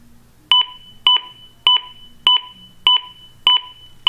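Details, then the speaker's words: Sharp, regular electronic beeps at about 100 a minute from a ZOLL AED on a simulator during inspection, after shock delivered and CPR button pressed: metronome pacing chest compressions. "so then at this point you're gonna push the CPR button here and it should go through and start to provide the net metronome"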